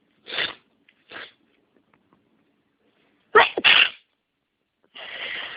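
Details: Allergic sneezing deliberately triggered by inhaling a massage bar the person is allergic to, with sinus congestion: several sharp, hissing sneezes, a quick double sneeze, then a longer noisy exhale.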